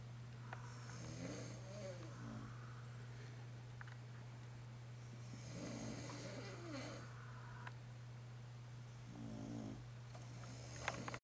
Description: dad and dog have a war by snoring